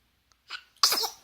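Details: Baby just woken in the morning, after eating: a small breath in, then one sharp, high sneeze.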